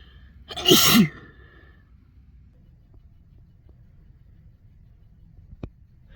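A single loud sneeze with a sharp inhaled lead-in and forceful burst, then quiet room.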